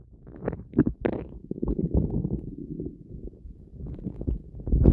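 Loud, continuous low gurgling and rumbling from the belly, ordinary bowel sounds.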